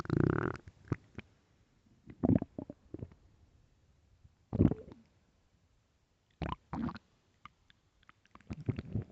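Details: Stomach growling, possibly from hunger: irregular bursts of gurgling, rumbling gut noise with quiet gaps between them.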